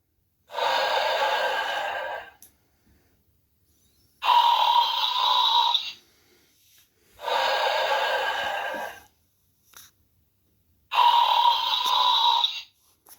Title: Animated Sleeping Snoring Dog